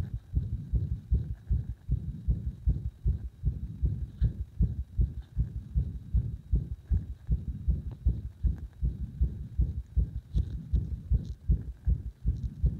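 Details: Heart sounds as pressure on the heart was gradually increased to provoke an arrhythmia: fast, thudding beats roughly 150 to 160 a minute, mostly steady with some uneven spacing; induced arrhythmia.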